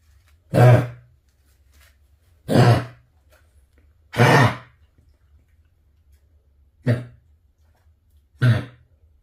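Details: Dog with kennel cough (infectious tracheobronchitis): five harsh, honking, throat-clearing coughs spaced a couple of seconds apart.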